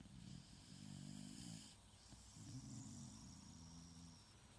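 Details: Two long, low, rumbling snoring breaths with a rattling, fluttering quality, on a Sunday morning, against steady background noise: snoring.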